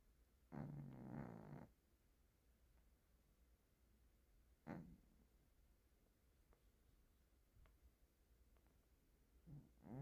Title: Cat snoring loudly!